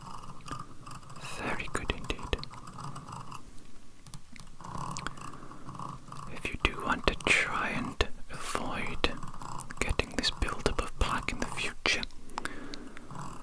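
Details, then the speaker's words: Simulated ASMR dental-cleaning roleplay, not a real exam: soft scratching and scraping clicks of a metal dental tool removing plaque behind the incisors, with quiet whispering; the dentist says it's a strange sensation as he scrapes plaque off. "It's a bit of a strange sensation. I am using the metal tool to scrape the plaque off your teeth."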